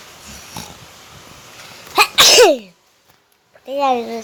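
A quick two-part sneeze, a sharp intake then a loud burst, against quiet background noise, followed by a short voiced sound.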